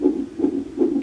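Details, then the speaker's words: Fast, regular whooshing fetal heartbeat at about 150 a minute on a fetal monitor, a normal fetal heart rate, after three days of contractions. "That lovely little sound is what? Our baby's heartbeat."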